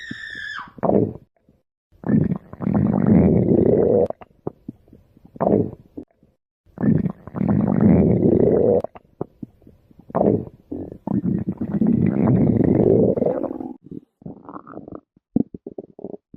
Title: stomach growling Compliantion 2024-2025